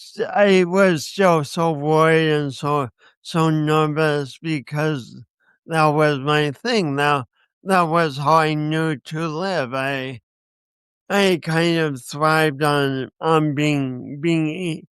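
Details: Man with a speech impediment accompanied by coordination issues, which he says he has not overcome; speech impediment with word repetitions.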